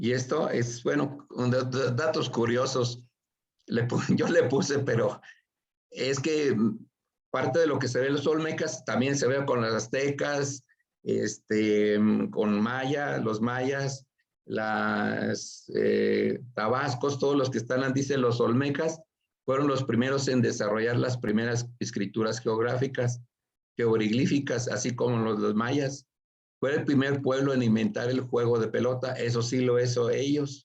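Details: Aphasia after acquired brain injury (stroke) in a man attending an art history workshop for people with aphasia, giving a Spanish-language presentation; broken, disordered phrasing; aphasia.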